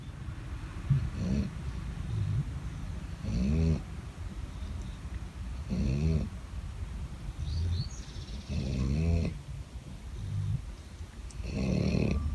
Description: Here’s a video of two dogs sleeping and snoring loudly.